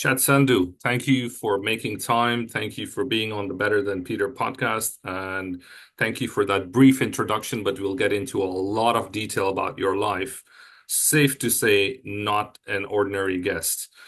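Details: Adult male speaker; typical speech.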